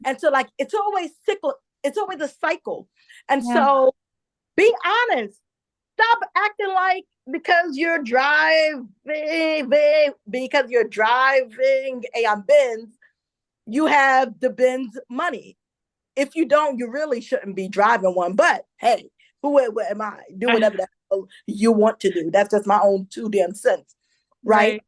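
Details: Adult woman, a self-described stutterer who says listeners will hear her stumble on some words; stuttering.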